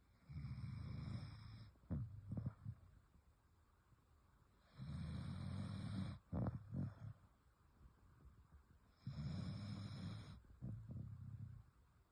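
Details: Dog sleeping and snoring: low, rumbling snores on each breath about every four to five seconds, with short snorts between.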